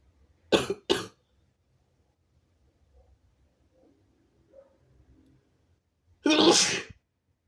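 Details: Person lying in bed sneezing: two sudden explosive sneezes close together, then a longer one a few seconds later, with quiet between; sneezing.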